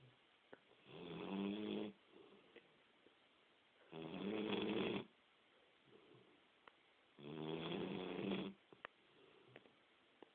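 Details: Three loud, rattling snores roughly three seconds apart, about 19 a minute, with quiet pauses between; snoring.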